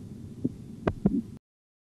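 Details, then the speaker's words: Auscultatory blood pressure training with a mercury manometer, best heard with headphones: faint then clearer soft tapping beats as the cuff deflates, first tone at 148 mmHg (systolic), last regular tone at 88 mmHg; Korotkoff sounds. "первый тон звучит на уровне сто сорок восемь миллиметров ртутного столба"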